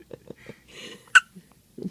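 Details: 2-day-old newborn with hiccups: soft rhythmic infant hiccups, a brief breathy sound and one sharper squeak.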